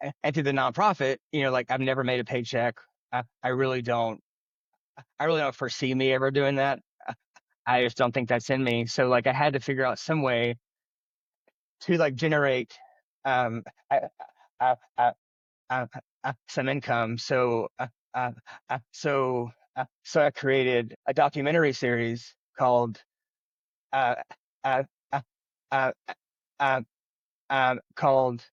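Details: Adult man who has stuttered since childhood, speaking in an interview; stuttering.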